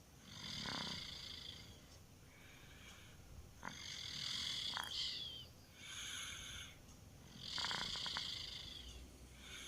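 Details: 2-year-old child snoring during sleep: rough, rattling breaths, about 18 a minute, with noisy vibrating airflow; snoring.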